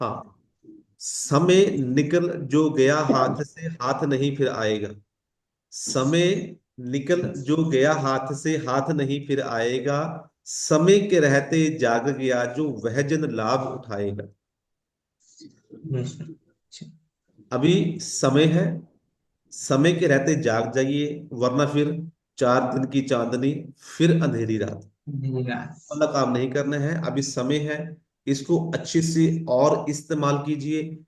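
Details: Adult male speaker; ordinary fluent speech.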